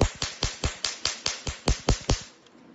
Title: Biotronix IPL Laser Hair Removal Machine For Professionals